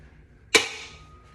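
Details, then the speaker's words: Head-to-toe examination, Weber test: a single sharp metallic strike then a fading ring as a tuning fork is struck before being placed on top of the head. "now I'm move on to the Weber test I'm going to stri this tuning"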